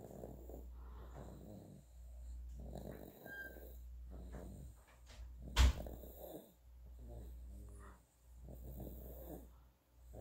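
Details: 9.5-month-old boy asleep, snoring and drooling: soft, rhythmic rumbling noises with each breath, low steady background hum; infant snoring.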